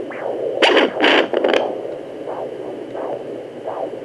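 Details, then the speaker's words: Home fetal Doppler at 18 weeks of pregnancy: scraping probe noise, then slow, regular whooshing pulses near 85/min, the mother's own heartbeat, as distinct from the baby's heartbeat. "mom's heartbeat or my heartbeat right here so do you hear the difference"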